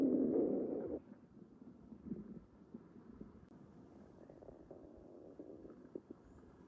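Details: Stomach noises recorded without a microphone the morning after a stuffing session (large meal): loud gurgling rumble, then faint irregular gurgles and squelches; active bowel sounds, borborygmi.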